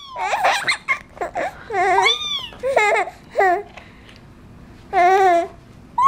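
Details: Infant crying and laughing mixed: high wavering cries broken by giggle-like bursts in a small room.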